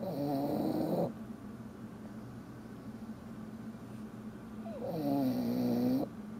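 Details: Tired dog snoring: two loud, buzzing, tonal snores about five seconds apart, with quieter breathing in between; steady snoring.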